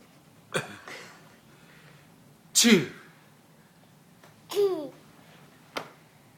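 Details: Baby boy imitating his mother's sneeze: four short, sharp sneeze-like bursts, not true sneezes, in a quiet room; sneezing.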